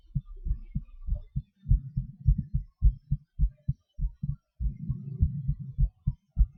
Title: My Heartbeat, hyperventilation and breathhold with speed changes and weird sounds